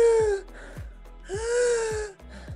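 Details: Stridor during laryngospasm in a post-anesthesia care unit (PACU) patient, with pediatric patients noted as most affected: high-pitched crowing, musical breath sounds with noisy gasps between them from a partly closed larynx.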